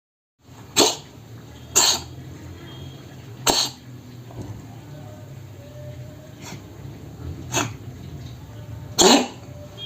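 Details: Coughing cat gives five or six short, sharp, hacking cough bursts spaced over about ten seconds.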